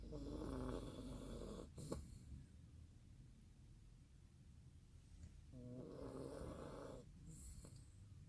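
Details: Dog sleeping after a trip to San Francisco, snoring hard: long rattling, whistly inhalations followed by quiet exhalations, in a regular snoring pattern.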